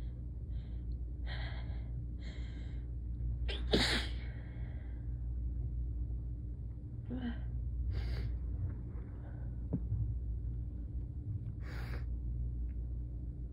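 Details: A sick person sneezes several times, with sharp in-breaths before each. Some sneezes are covered with a paper towel, some with hands, some uncovered, and one or two are stifled. A steady low room hum runs underneath.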